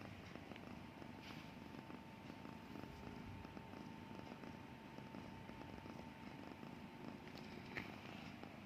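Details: Sleeping cat snoring, soft steady rumbling breathing noise with a faint steady tone and room noise in the background.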